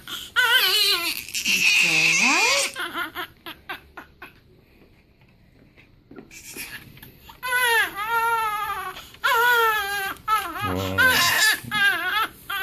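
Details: Crying of a 7-day-old newborn baby boy during a weigh-in: repeated wailing cries with pitch rising and falling, broken by short pauses and a quiet stretch; ordinary newborn crying.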